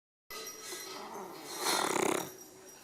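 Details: Snoring from a small dog: soft hissing breath swelling into one short rattling snore, then fading, in a noisy recording.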